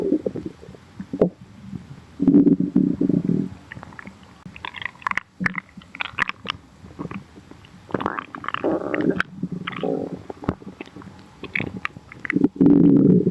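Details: Stomach growling (borborygmi): bursts of low rumbling and higher gurgling, squeaky growls with pauses between.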